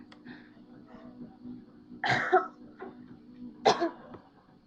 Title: Violently Sneezes xD